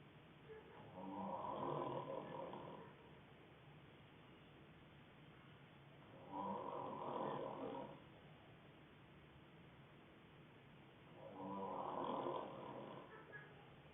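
Three slow, rough snores on the in-breath, about 12 breaths a minute, with quiet breathing between them: ordinary snoring during sleep.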